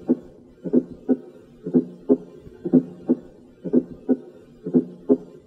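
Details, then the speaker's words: Fourth heart sound (S4) gallop: a regular heartbeat at about 60 a minute with a soft extra sound just before each first sound, reflecting stiff ventricles. "Beyond S1 and S2, certain medical conditions may give rise to additional heart sounds."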